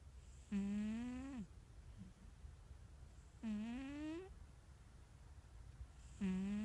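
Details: Sleeping cat, described as wheezy, three drawn-out, buzzy, tonal snores rising in pitch roughly every three seconds in a quiet room; snoring.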